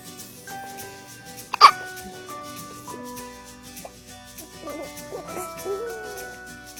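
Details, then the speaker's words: Hiccups in a baby, each hiccup a little peeping sound like a chick. "He's got the hiccup. Sounds like a little peep chick."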